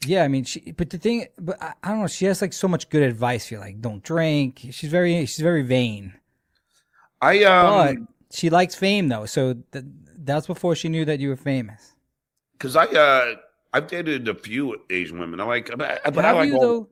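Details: Adult male speakers in conversation; conversational speech.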